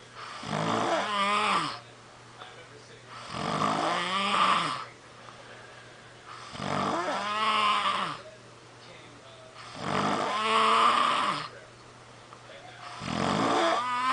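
Loud, rattling, voiced snores about 19 a minute, each sliding in pitch, with quiet pauses between breaths.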